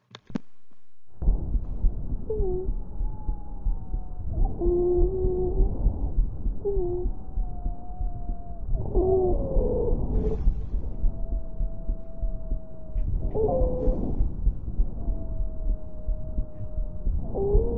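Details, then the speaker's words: Teaching recording from a pathophysiology class: musical, high-pitched whistling wheezes with each breath, caused by turbulent airflow through bronchial obstruction. "las civil ancias corresponden a sonidos de tipo musical de alta tonalidad semejantes a un silbido el origen de estos ruidos obedece a una mayor turbulencia del paso de aire en zonas donde existe obstrucción bronquial"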